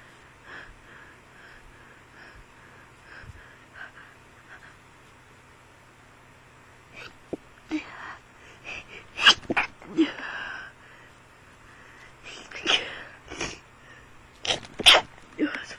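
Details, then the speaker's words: A person with seasonal hay fever gives several sharp sneezes in close succession with breaths between, after a quiet stretch: repeated sneezing. "two times again this is some kind of record I haven't done that before I think I got to go out I'm sneezing today"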